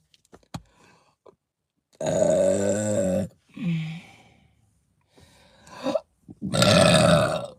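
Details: Several long, deep, voiced belches from a woman with short pauses between them; repeated loud, uncontrollable burping.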